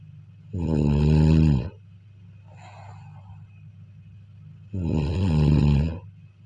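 Two deep, vibrating snores about four seconds apart, with a soft breath between them. Typical loud snoring in sleep.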